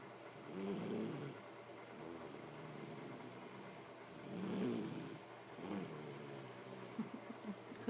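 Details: Little girl asleep with soft, throaty snores rising and falling with slow breaths, about three in eight seconds, in a quiet room; gentle sleep snoring.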